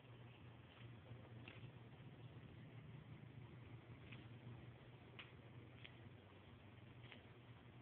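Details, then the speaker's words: Knee making a strange noise for a few days to a week, painful and feeling weird to touch, sounding when lifting the leg: several faint, sharp clicks over a low steady hum, knee crepitus. "it sounds like bones are snapping anyways this is creepy but just wanted to share this because i"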